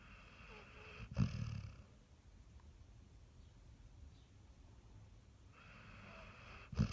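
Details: Sleeping Basset Hound snoring: low rumbling snorts in two brief bursts separated by quiet breathing.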